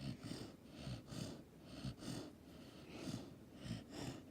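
Soft, rhythmic snuffling snores with each breath, about 65 a minute. Puppy snoring during sleep.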